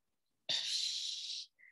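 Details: Glottal noise on exhalation following a breath-hold of about eight seconds in an abdominal breathing exercise during voice therapy.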